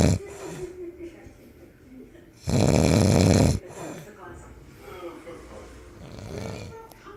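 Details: Person sleeping and snoring: loud, rough snoring, with one long rattling breath standing out over quieter breathing noise.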